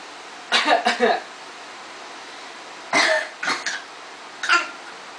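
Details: A 1-year-2-month-old child playfully imitating his sister's cough: three short bursts of voiced coughing, an imitation rather than an illness cough.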